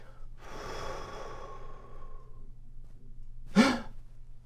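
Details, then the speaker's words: Demonstration of the sound wanted in abductor spasmodic dysphonia after Botox: a long exhale, then rapid full inspiration with a brief, soft vocal noise, the desired mild inspiratory stridor. "you hear a little bit of noise it's not particularly loud or it could be where it's a little louder it could even be you know where it's quite loud when you when you pull the areir in quickly that's what makes the noise"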